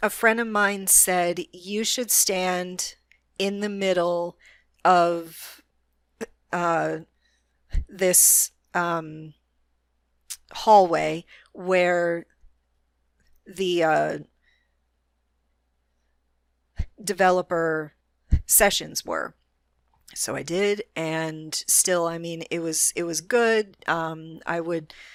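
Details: Adult woman with a self-described moderate, not severe, stutter that is audible but which she can control most of the time; stuttering.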